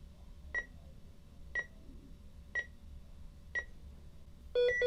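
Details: Sound effect of a medical EKG heart monitor; regular single beeps about once a second, then a longer alarm tone.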